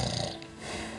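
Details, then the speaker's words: Female snoring played as a demonstration on a health TV show: a coarse, rumbling snore that softens and drops away into a breathing stop at the snore's peak, then resumes, an obstructive sleep apnoea pause. "Вот все слышали на высоте храпа перерыв остановка дыхания опять храпит"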